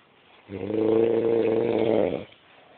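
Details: Husband who says he doesn't snore: a single long, low, rattling snore of almost two seconds, rising from a quiet room and fading to silence.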